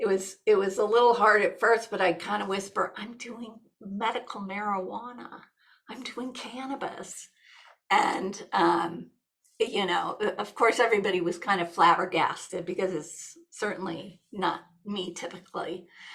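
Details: Adult woman, a nurse practitioner, with essential tremor, which she says affects the larynx; she reports her voice shakes and is becoming gravelly, and mentions having gone off primidone; vocal tremor (essential tremor voice).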